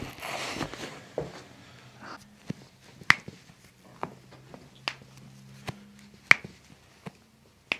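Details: Chiropractic adjustment: several sharp, brief cracks and pops over quiet room noise; joint cavitation sounds.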